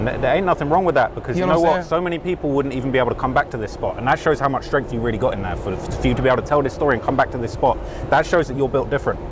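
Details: Adult man speaking; no speech disorder.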